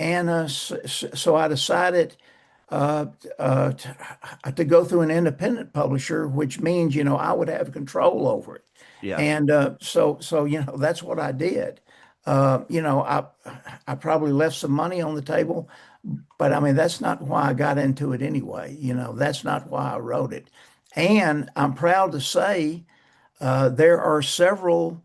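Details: Persistent stuttering in an adult male author who says he still stutters, mainly blocks and bad airflow with some repetitions and prolongations.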